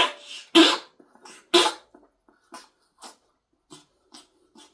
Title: coughing 1